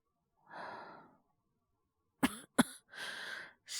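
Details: Acted cough by a male voice actor playing a character with a cough and fever: a breathy exhale, then two short cough bursts and a sighing breath.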